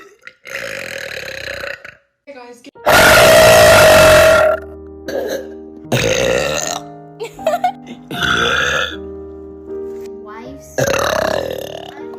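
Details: Burping compilation: several loud, drawn-out voiced belches, one very long and forceful, with short gaps and background music.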